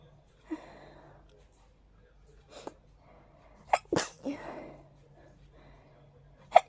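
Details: Several soft sneezes with quick breaths between; a mild, tickly hayfever sneezing fit (allergic rhinitis).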